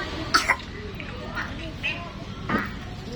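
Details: A young boy with a cough and cold gives two quick coughs close together, then a third after a pause, with faint vocal sounds between them.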